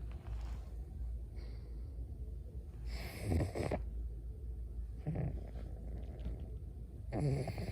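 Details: Snoring in a pug sleeping in its owner's arms: soft snorting snores, three louder rattling bursts over about eight seconds.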